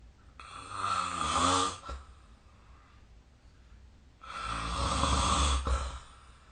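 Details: Two loud, rough snoring breaths about four seconds apart with quiet pauses, recorded during sleep with a snoring-recording phone app.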